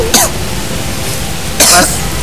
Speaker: batuk jangan sembarangan ya ya